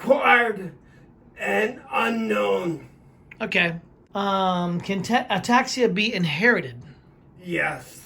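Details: Adult interviewer speaking in a small room; typical speech.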